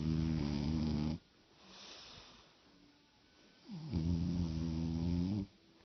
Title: You realize that you love someone when you love also his/her snoring.